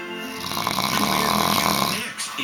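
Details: A rough, rattling snore over one breath from a sleeping man, with a TV playing music and an advert in the background; snoring.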